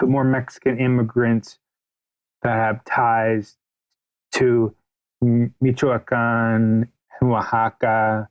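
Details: Adult man, a writer interviewed on a podcast, whose stutter is noted as audible throughout the interview; real, not acted. Finding: stuttering.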